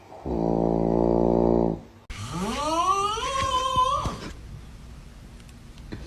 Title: Ranking Funny snoring sounds 😂#tiktok #funny #snoring #fyp